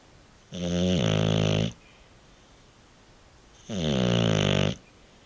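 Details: Loud, drawn-out rattling snores on the in-breath about two seconds apart, with quiet pauses between; ordinary snoring.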